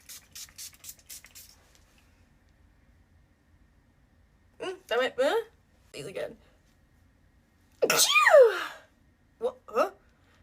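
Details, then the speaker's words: A rapid series of several short, quick sneezes with a larger one mid-run in a quiet room, from a girl who sneezed suddenly after putting on perfume; sneezing. "Okay. Usually see I put perfume on. That's why I was filming, but all of a sudden the sneezes came over."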